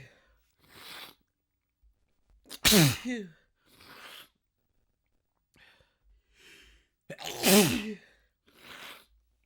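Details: Sneezing fit with nose blowing: two forceful sneezes, each preceded by a quick inward gasp, with quieter breaths and sniffs between them.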